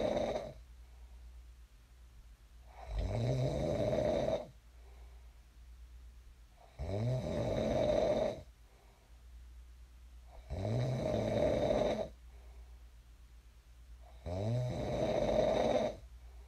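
Loud rattling snores on each in-breath, about 16 a minute, with quiet out-breaths between: regular snoring during sleep.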